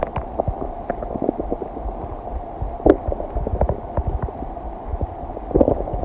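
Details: Soft gurgles, pops and low rumbles of a stomach digesting kombucha, cheese and noodles, edited and extended to 15 minutes; ordinary digestive bowel sounds, normal.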